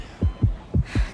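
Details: Heartbeat.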